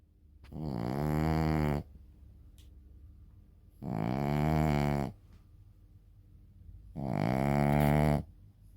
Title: シーズー犬／爆音のイビキ💤 Shih Tzu dog / Big Snoring💤 #Shorts